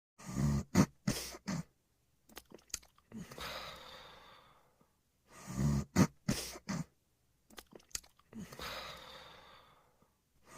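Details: Snoring during sleep: repeated snorting breaths in cycles of about 12 a minute, short rough bursts then a long noisy exhale.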